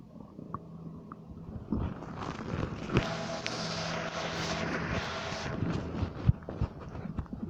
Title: Stomach Noises 4